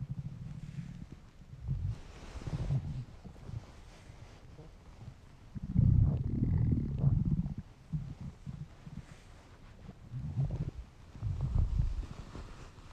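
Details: Low, irregular gurgling rumbles in bursts with quieter gaps from a male's hungry stomach: ordinary borborygmi.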